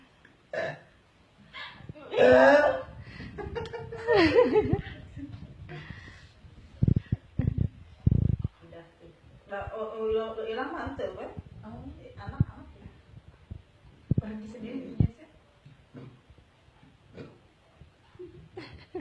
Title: Gassy lady burps nonstop while being massaged